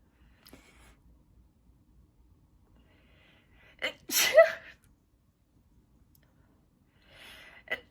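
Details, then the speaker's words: Sneezing fit during a live stream: a quick indrawn gasp, then a sharp sneeze with faint breathy sounds and a smaller burst afterward, part of a run of repeated sneezes. "I need to stay muted for a minute because I am in the in the middle of another sneeze. Attack."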